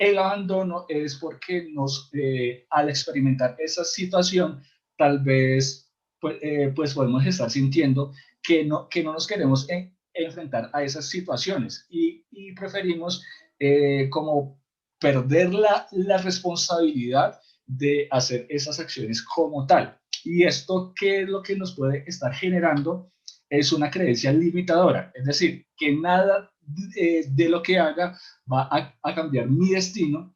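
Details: Adult male in a stuttering support group who says his stuttering cannot be cured but can be lived with; stuttering.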